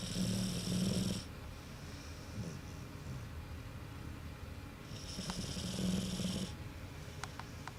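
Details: American Bulldog snoring during sleep: two long, rough, rattling snores about five seconds apart, with quieter breathing in between.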